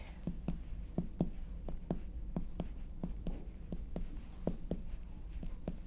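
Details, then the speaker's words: Rapid finger percussion over the left upper abdomen, from the inferior costal margin at the midclavicular line toward the anterior axillary line, checking for the spleen: a hollow, unchanging tympanic note with no shift to dullness. "can hear it hasn't really changed that that the percussion note that I'm getting you know it has not changed at all so it's just still tympanic"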